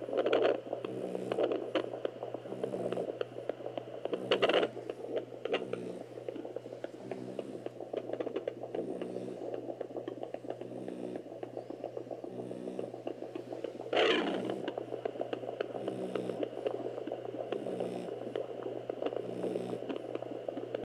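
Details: Pocket handheld fetal Doppler on a pregnant French Bulldog's belly, day 47 of pregnancy: rhythmic whooshing fetal heart pulses through steady hum and scraping probe noise.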